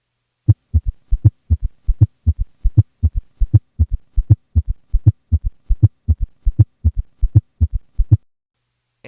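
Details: Patient with both S3 and S4; four low sounds per cycle, heard near 80 per minute; quadruple gallop rhythm.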